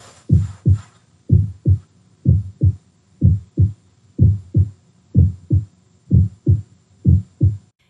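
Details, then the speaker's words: Normal heart sounds: a steady, regular lub-dub at about 62 beats a minute, S1 from mitral and tricuspid closure and S2 from aortic and pulmonic closure, with no extra sounds. "then after they close naturally diasti comes next and your aoic and pulmonic valves close that makes the dub sound let's listen to it"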